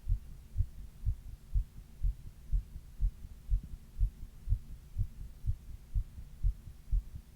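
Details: Adult's own heartbeat recorded while quietly reading, during a 102°F fever in the middle third of the 28-minute recording: regular low thumps at a fast rate of about 120 beats a minute; rapid heartbeat during fever.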